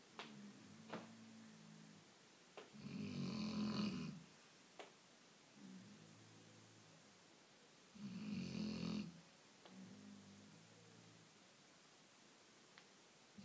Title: sleeping snoring shar-pei's